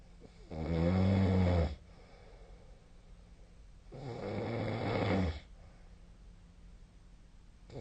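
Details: Sleep snoring recorded with a snoring-tracking app: loud, deep, buzzing snores on breathing in, about 16 breaths a minute, with quiet gaps between.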